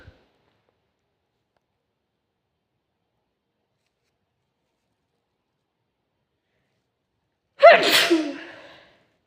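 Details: Long silence, then a single sharp, explosive sneeze with a brief trailing release of air, heard over a video call.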